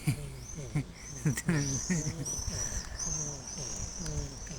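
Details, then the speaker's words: Street cat with a hard lump felt in the belly and poor appetite, possibly in pain: repeated low grunting, rumbling sounds with each breath, like heavy, snoring laboured breathing. "Кто знает, что с ним может быть, что он там крехтит так, как будто храпит, и что-то аппетита у него особо нету."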